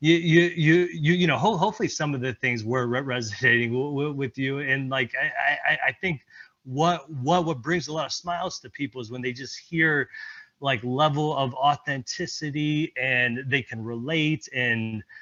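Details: Stuttering with repetitions in a presenter speaking during an improv presentation at a stuttering-community event.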